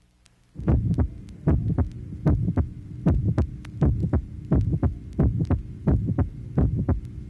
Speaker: tracing number nine mid systolic ejection murmur note the silence between the end of the murmur and the second sound